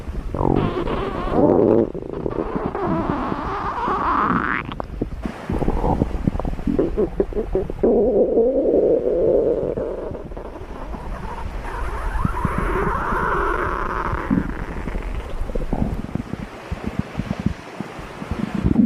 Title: Stomach Growling